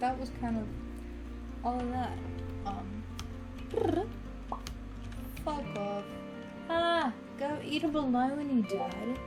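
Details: Teenager diagnosed with Tourette syndrome by neurologists, with vocal and motor tics that were minor from early childhood and worsened sharply at age 15; vocal tics include cursing, whistling and repeated phrases; vocal tics with coprolalia (Tourette syndrome).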